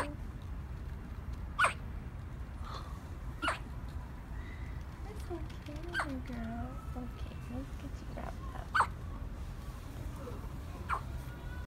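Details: Hiccups in a 2-day-old newborn girl: repeated short, sharp hiccups, about five in twelve seconds, with soft infant fussing and an adult voice in the background.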